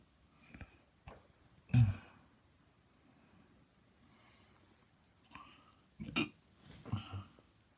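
Several short, abrupt throaty gulps a few seconds apart, each with a catch of breath; repeated hiccups.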